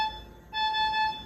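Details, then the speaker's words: Steady high electronic alarm tone with brief breaks, set off right away because the infusion pump's tubing holds air instead of fluid: infusion pump air-in-line alarm. "Là vous remarquez c'est parce que mon dispositif n'a pas de liquide donc j'ai l'alarme qui est déclenchée immédiatement. S'il y a de l'air dans la tubule, la lame se déclenche."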